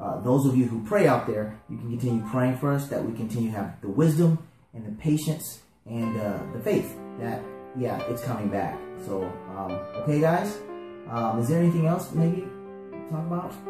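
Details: Adult speaker; speech.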